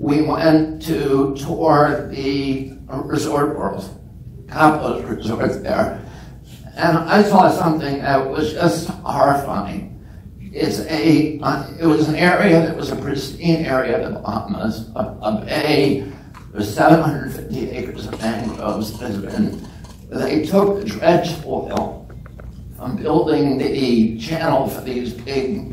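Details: Real adult man with spasmodic dysphonia (he calls it spasmodic dystonia), onset at age 42 after a previously strong voice; he reports symptoms lessen or go away after speaking a while. Finding: spasmodic dysphonia.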